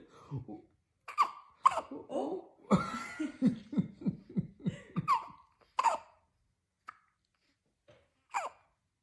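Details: Newborn twins hiccuping: short, sharp squeaky catches about every second between bursts of nearby laughter.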